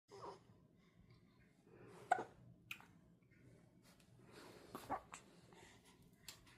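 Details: Hiccups in a 30-day-old newborn: a few short, sudden catches of breath a couple of seconds apart in a quiet room.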